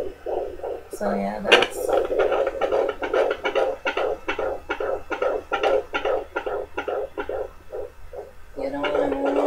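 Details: Fetal heartbeat at 18 weeks of pregnancy on a home pocket fetal Doppler: fast, regular whooshing pulses around 130-140 a minute, with small interruptions attributed to fetal movement.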